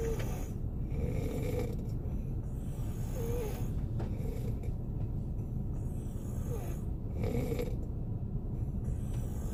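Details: Korean man snoring while asleep in a car on a snowy day, heard together with rain-like sounds; snoring.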